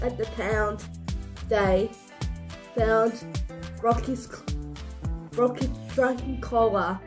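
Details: Speaker with cerebral palsy, narrating; dysarthric speech (cerebral palsy).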